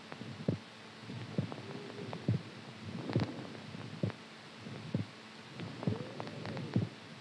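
Steady low thumping heartbeat at about 67 beats a minute under a soft background hum; a normal heart rhythm.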